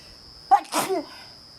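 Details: At night on a balcony: a quick indrawn catch, then one forceful, hissing burst; a single sneeze, described as part of a sneeze attack.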